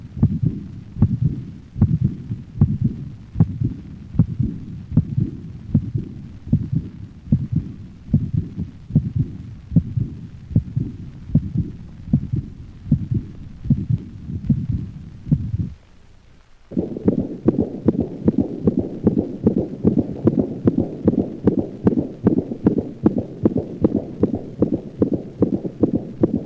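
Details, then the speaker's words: Dog with aortic insufficiency, played at slow speed and then at normal rate: normal first and second heart sounds with a high-frequency decrescendo diastolic murmur starting at the second sound and fading, disrupting the normal pattern. "the murmur characteristically diminishes in intensity after its onset and is called a decrescendo diastolic murmur notice how the normal heart sound pattern is disrupted by this high-frequency diastolic murmur"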